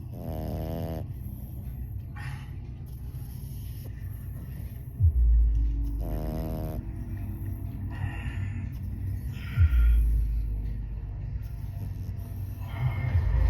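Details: French Bulldog puppy snoring: loud, rattling snores recurring irregularly, roughly 13 a minute, with snorting sounds between, over a steady background hum.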